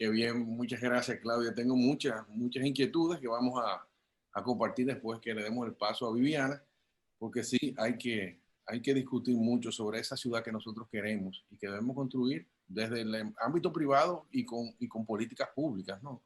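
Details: Adult man speaking Spanish; normal voice.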